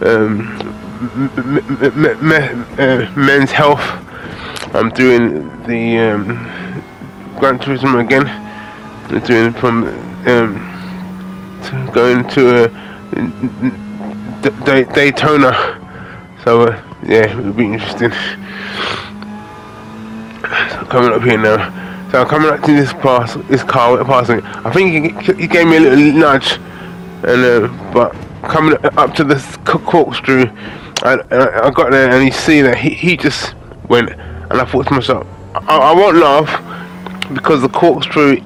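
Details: Adult man with aphasia following a major stroke in August 2013, doing spoken gaming commentary as speech practice; aphasia.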